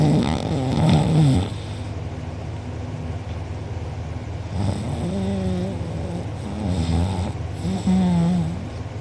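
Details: Loud, deep rattling snores on each breath over steady room hum, recorded by a sibling during deep sleep; mouth open and drooling, uvula and soft palate sore afterward: heavy snoring.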